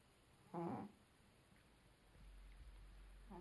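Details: A single short, buzzy snore from a sleeping cat, with a quiet low room hum between breaths.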